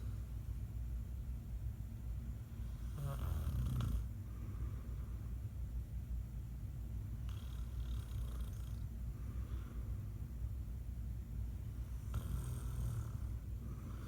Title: Dad snoring